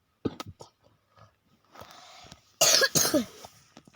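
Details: Sick child, who says the coughing keeps coming from being ill: several short, harsh coughs and throat-clearing sounds in a row.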